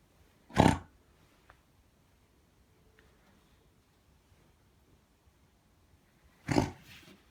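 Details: Dog with heart failure from hereditary dilated cardiomyopathy, previously diagnosed with ascites: two short, harsh, low coughing bursts several seconds apart. The cough is non-infectious and not from lung disease; it is a cardiac cough from pulmonary edema.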